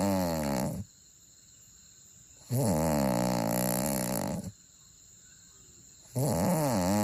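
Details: Soft snoring during sleep: drawn-out, buzzing snores with quiet pauses between them, about three snoring breaths in seven seconds.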